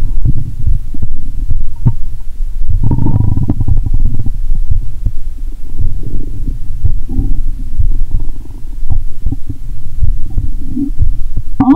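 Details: Stethoscope on own abdomen; stomach sounds heard even near the heart; loud low gurgling and rumbling with bubbling stretches: active, normal bowel sounds (borborygmi).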